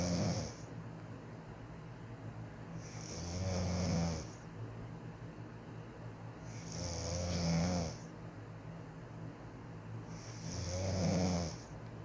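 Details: Wife, who says she doesn't snore, snoring during sleep; this is her quieter snoring: three loud, rattling inhaled snores at a steady rhythm, about 16 a minute, with quiet exhalations between; ordinary snoring.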